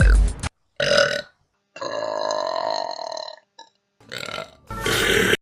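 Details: Long, loud voiced belch between shorter bursts of sound, with background music, from a compilation of favourite burps; burping.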